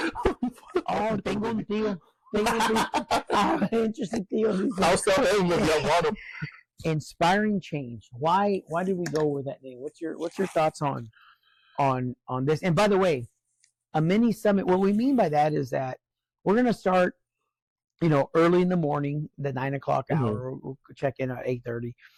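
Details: Adult man with occasional stuttering since a stroke, mainly on words starting with S and R, where the word won't come out; attending therapy and medical appointments for it; acquired neurogenic stuttering.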